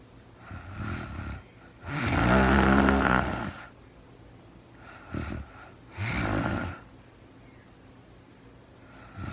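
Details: Adult woman snoring in real-time sleep: uneven snoring, one long, loud, rattling snore and several shorter, softer ones.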